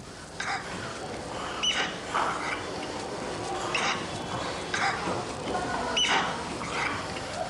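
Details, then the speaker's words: A child aged 2 months to 5 years with an expiratory wheeze, not stridor: noisy breathing with high, musical whistling when breathing out. "this child has a wheeze when breathing out listen again"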